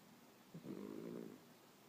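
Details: A single soft, fluttering snore under a second long in a quiet room, recorded January 2015; ordinary snoring.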